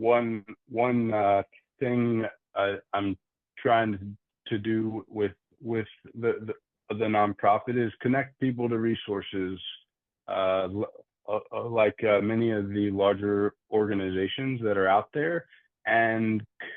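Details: Adult man who stutters, with audible word repetitions; stuttering.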